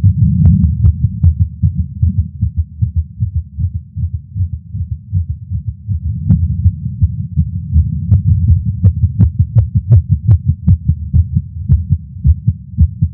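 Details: Adult male's heartbeat via Stemoscope while smoking a cigar after not smoking for a while, feeling lightheaded: rapid, thumping heartbeat with a low hum; tachycardia after nicotine.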